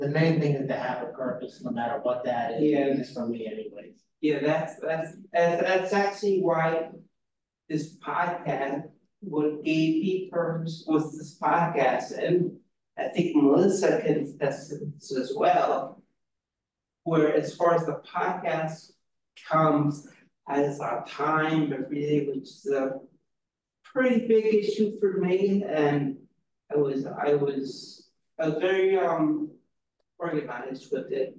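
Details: Real person with aphasia, a member of an aphasia institute who helps train conversation partners; aphasia.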